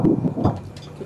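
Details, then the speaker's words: Normal fetal heartbeat on Doppler during an ultrasound at three months of pregnancy in a 26-year-old mother: rapid, regular whooshing pulses at 159 beats a minute. "잘 뛰고 심박 횟수 1분에 159회 아주 좋아요."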